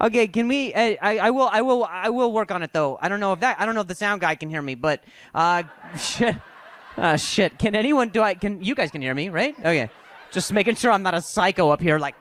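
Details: Adult male comedian in a stand-up performance who says he has stuttered for years since a softball injury; stuttering.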